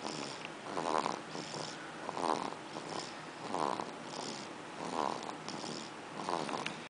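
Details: One-day-old baby girl napping in hospital: soft rattling, fluttering snoring breath noise rising and falling about 44 times a minute on each breath; snoring.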